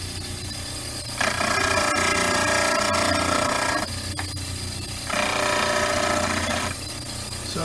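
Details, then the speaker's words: Steady motor hum with two bursts of loud rasping grind as a stone study model is trimmed close to, but not touching, the teeth on a model trimmer. "getting in somewhat close but never touching the teeth and that's about it for this model"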